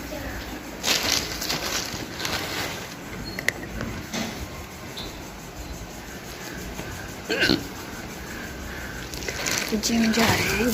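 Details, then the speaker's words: Woman with persistent hiccups outdoors in the rain while getting ready for the gym: short, abrupt catches of breath at uneven intervals amid outdoor noise and talk; hiccups. "तो य हो रही है बारिश और मैं जाने के लिए रेडी और मुझे आ रही है हि चकिया हिचकी ने कर दिया है परेशान"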